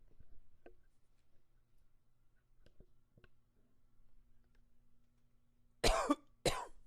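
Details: Several quiet seconds with faint room sounds, then two loud, harsh coughs close together near the end; a short bout of coughing.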